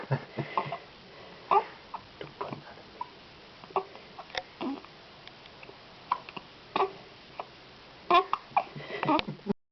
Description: My newborn twin boys have hiccups at the same time